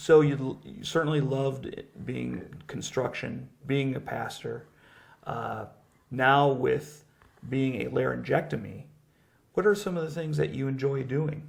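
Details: Adult male speaker; normal speech.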